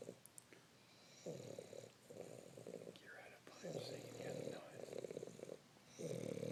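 Rough, buzzing snores repeat with each breath, with quieter gaps and faint room noise between them.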